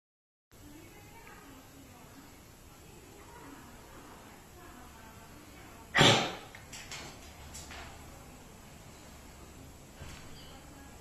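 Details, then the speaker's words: Dog with chronic airway disease that was not coughing spontaneously: a single abrupt cough burst amid quiet room noise, induced by palpating the trachea. "we just need to add a little bit of pressure to the chest or by palpating the trachea to add the extra stimulus that will cause coughing and we will see it in this video"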